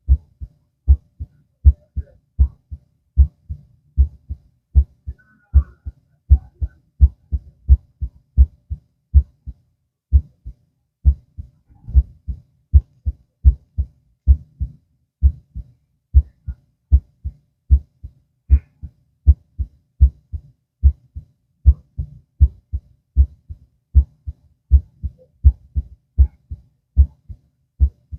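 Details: Normal heart sounds heard through a stethoscope while lying down: steady, low, regular heartbeat at about 78 beats a minute.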